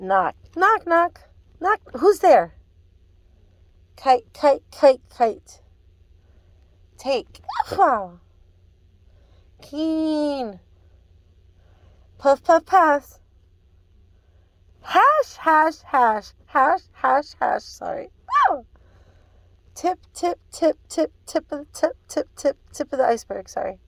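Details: Adult woman with Tourette syndrome repeating words from a hearing-test word list; her tics, which she calls forceful and word-triggered, produce word associations, repetitions and extra words like 'wow' and 'sorry'; vocal tics (Tourette syndrome).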